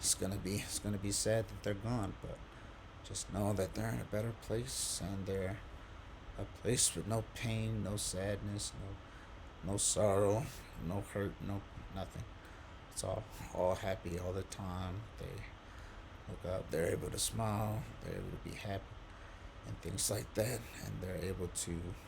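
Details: Adult quadriplegic man with C1-C2 spinal cord injury on a diaphragmatic pacer at 18 breaths per minute, able to talk only on exhalation, with pauses and difficulty getting certain words out; breath-limited speech with ventilatory pacing.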